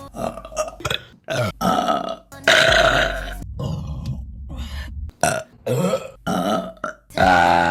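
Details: Female burping compilation: a run of loud, drawn-out, voiced belches, some long and rumbling, others short, with brief pauses between them; repeated burping.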